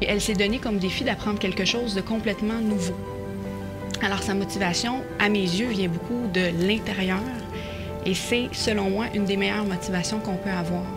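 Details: Adult woman speaking French; typical speech.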